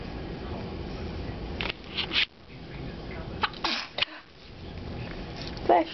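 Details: Baby boy smiling, laughing and kicking: quiet room noise with a few brief sharp bursts, one a small sneeze-like expulsion; an ordinary infant sneeze.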